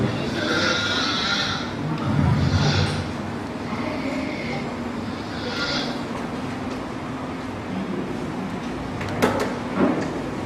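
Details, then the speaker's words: Mobile phone recording of a patient snoring with obstructive sleep apnea: harsh, rasping snore bursts recurring irregularly over room hum, with great visible effort to breathe in and out. "Usually the patient, they come with us with a mobile record and the sound of the patient's snoring. It's not only the sound. Can you see the amount of effort that person was putting into take a breath in and out?"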